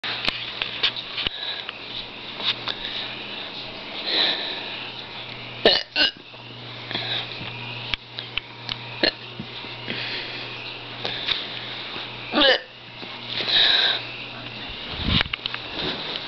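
Sudden short gulping catches of breath recurring irregularly, several over about sixteen seconds against a low room hum; hiccups.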